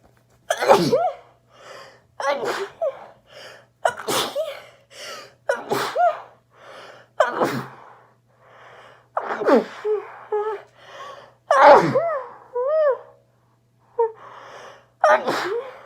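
A rapid series of sharp, explosive sneezes, many with a voiced cry, about a dozen bursts from different people back to back.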